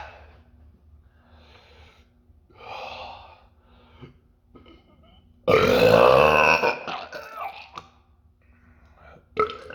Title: Day 17 of burping Daily😃